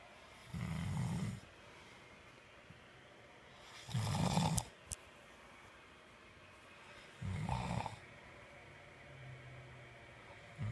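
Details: Man snoring: three rough, low snores on the in-breaths, about 19 breaths a minute, over steady background hiss.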